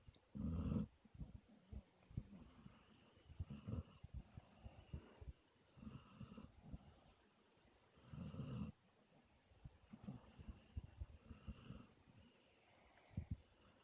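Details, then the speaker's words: A sleeping dog napping gives low, rumbling snores, some with a growl-like rattle, spaced a few seconds apart; loud snoring. "You're snoring kind of loud. I'm trying to watch something, baby."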